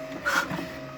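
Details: Homemade emergency ventilator (windshield wiper motor, not medically certified) in a fatigue test at high load, 60 rpm, after greasing: steady low mechanical hum with no grinding or squeal, running quietly after lubrication.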